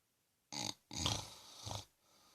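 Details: Father snoring: a short snorting breath, then a longer rattling snore that fades out.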